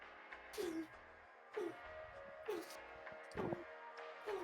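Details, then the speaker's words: A cat makes repeated short, soft, wheezy, squeaky breaths about once a second before stopping; owner unsure whether sneezing or an asthma attack: possible feline asthma episode. "That is my cat sneezing and or having an asthma attack."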